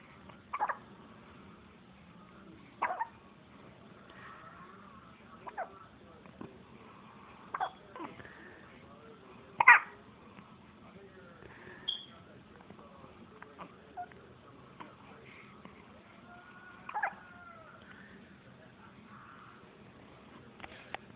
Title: hiccup wont stop me from playing =')